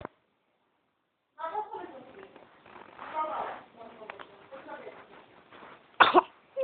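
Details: Soft baby vocalizing, then one sharp, explosive burst near the end, a baby's first sneeze, in a quiet room.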